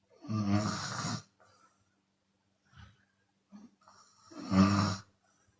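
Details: Chinese woman snoring with an open mouth, sometimes on exhale: two loud, rattling inhaled snores about four seconds apart with quiet breathing between.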